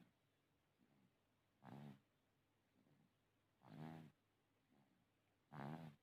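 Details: Soft rhythmic snoring with each breath, about 32 breaths a minute, from a small baby sleeping soundly; ordinary infant snoring.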